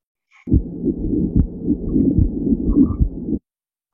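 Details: Scratchy, grating sounds riding over the heartbeat: a pericardial friction rub typical of pericarditis, heard best on expiration with the patient sitting and leaning forward.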